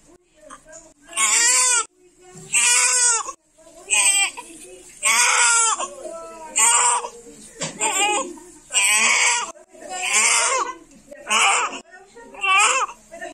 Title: The Precious Cry of Cute Newborn baby immediately @AfterBirth